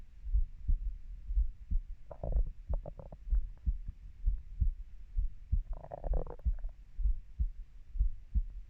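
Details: Own heartbeat of a 30-year-old: soft regular low thumps at about 63 beats a minute with some rustling and gurgling over them; ordinary heartbeat.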